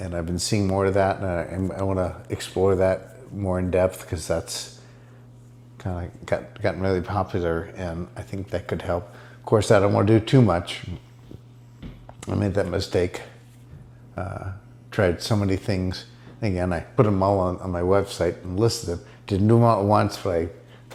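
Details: Dysarthria in an adult man diagnosed with multiple system atrophy; he reports his speech is improving after ibogaine treatment taken about 6 weeks earlier.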